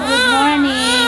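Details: Newborn baby girl just after a normal vaginal birth at a lying-in clinic: a single sustained, loud, clear wail; a typical newborn cry.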